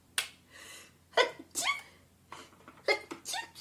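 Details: Woman beauty YouTuber sneezing while doing her makeup: a run of several small, high-pitched, dainty sneezes in quick succession, each with a short breath in before it; sneezing.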